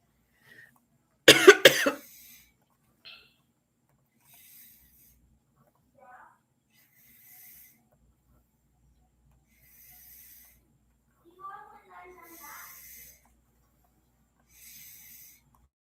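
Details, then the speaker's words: Cough from a female who had been coughing all the previous night and is now finally sleeping and snoring: one short, forceful cough burst, then a quiet room with faint small noises. "She has she has been coughing all night yesterday, so she's finally like sleeping."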